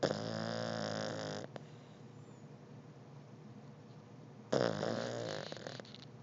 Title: Snoring Beagle puppy!!!